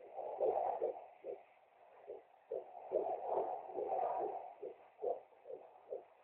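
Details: Fetal heartbeat at 15 weeks and 1 day of pregnancy on handheld Doppler: fast, whooshing pulsed beats, roughly 145 a minute.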